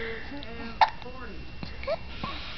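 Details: Hiccups: one sharp, brief hiccup over an adult's soft talk and room noise.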